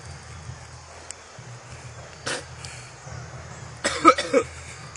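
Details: Coughing after inhaling Spice smoke through a gas mask: a short, harsh throat burst, then a quick cluster of three or four coughs; cough after smoke inhalation.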